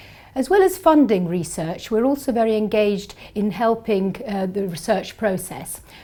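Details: Adult woman speaking; Normal speech.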